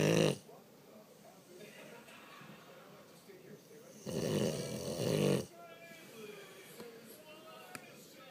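Loud, harsh, rumbling snores, one long inhaled snore clearly heard, with quiet breathing between; heavy snoring in a sleeping dog.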